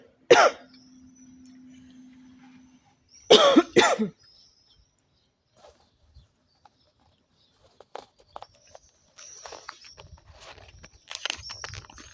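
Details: Woman coughing repeatedly while smoking a cigarette: harsh, rough coughs, one single then a quick pair, followed by quieter throat noises; a smoker's cough.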